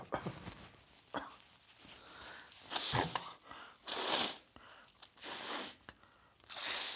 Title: Coughing and Nose Blowing after Heavy Chest Cold